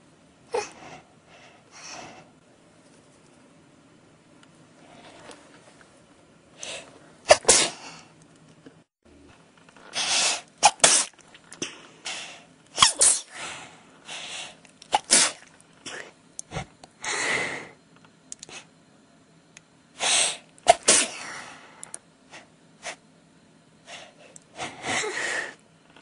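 An adult sneezes over and over in rapid succession, a prolonged sneezing fit with short gasps between.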